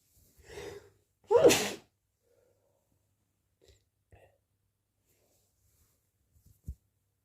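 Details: Possibly hay-fever-related itchy sneezes: a short inward catch of breath, then one sharp, explosive sneeze followed by faint sniffs; single sneeze.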